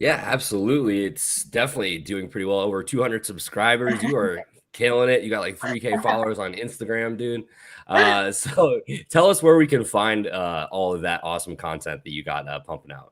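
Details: Adult male speaker; Ordinary speech.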